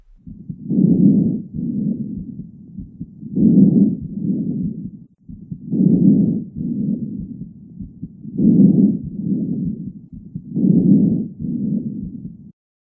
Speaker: Jawaban yang benar adalah bunyi nafas vesikular. Ini adalah suara nafas yang normal.